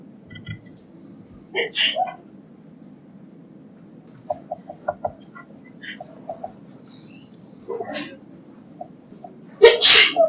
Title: My teachers sneezing fit! (f)